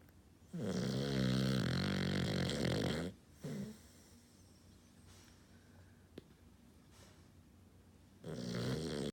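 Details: Snoring from a roughly 6-month-old female rescue, described as not a quiet sleeper: loud, rattling snores lasting a few seconds each, separated by quiet pauses.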